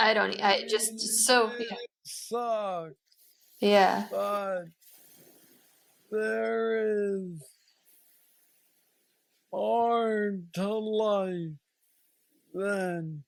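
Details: 46-year-old man with Parkinson's disease diagnosed at 35, about 11 years ago, which he describes as the most aggressive form, with mobility struggles and a deep brain neurostimulator implant; real patient; hypokinetic dysarthria (Parkinsonian speech).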